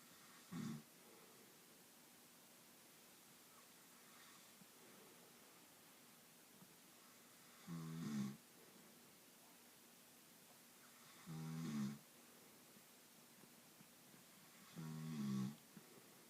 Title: Snoring soab